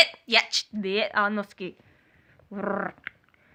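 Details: Vocal tic of nonsense speech in a female speaker with severe Tourette syndrome, a chronic tic disorder; the tic is triggered here by mentioning and starting to demonstrate it.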